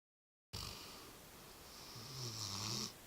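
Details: A hissing breath, then a low droning snore on the next inhalation; snoring.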